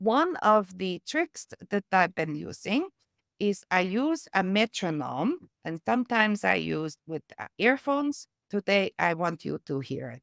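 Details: Adult woman with aphasia and apraxia of speech from a stroke (brain injury), who uses a metronome, sometimes with earphones, to help her speech.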